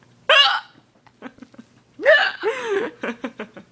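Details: Hiccups while a friend tries to get rid of them by scaring: two sharp, sudden voiced gulps with soft laughter and breathy sounds between.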